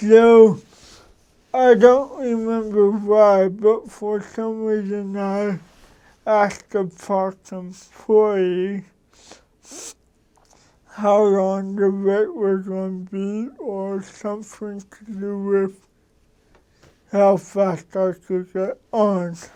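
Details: Dysarthria in an adult man who has lived with cerebral palsy for 53 years; he adjusts his speech so others can understand him and does not hear the difference himself.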